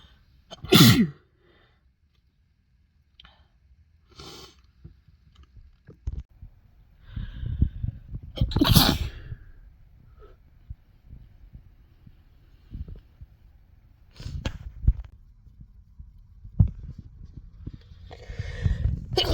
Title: Spring sneeze compilation